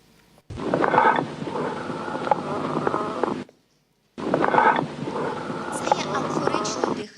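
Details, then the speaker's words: Auscultation teaching example: loud, hollow, blowing breath sounds with a resonant ring like air across a bottle mouth; amphoric breathing, heard over areas of lung destruction, large cavities or large bronchiectases. "Амфоричне дихання, як ви знаєте, вислуховується над ділянками розпаду або кавернами великими, так?"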